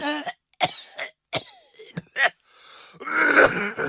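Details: Authentic recorded sound effect of a person coughing, unrelated to any health condition: series of short coughs and throat-clearing, ending in a longer harsh cough.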